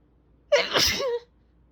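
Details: Big desperate sneeze: a single loud, forceful sneeze with a sharp intake and an explosive burst of air, with fan noise in the background.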